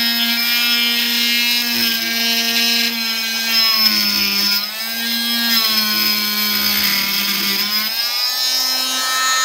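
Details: Cast saw cutting a cast toward a prosthetic socket: high steady motor whine dipping and rising in pitch as the blade loads.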